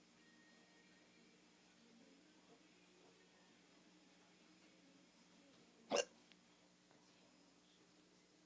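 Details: One sharp hiccup, a sudden voiced catch of breath, in an otherwise near-silent room, from a person described as drunk; hiccup.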